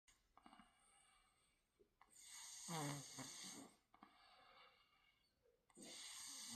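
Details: A young daughter snoring in sleep: soft rasping snores on breaths in, with quiet breaths out between them, in a small quiet room.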